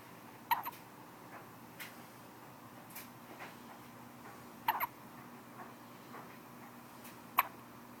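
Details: Three soft, sharp, irregularly spaced hiccup sounds from a baby in a quiet room; hiccups.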